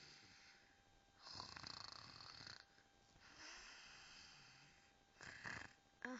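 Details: Snoring contest, with deliberately exaggerated snoring: rough, fluttering breath noises recurring in slow cycles over light room noise, some sounding put on; snoring.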